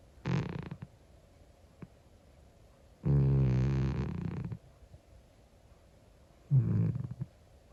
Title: Old cat SNORING - UNCUT! | Monkey the 25 year old cat